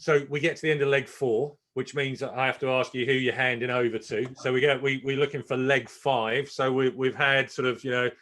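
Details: Adult male speaker; ordinary speech.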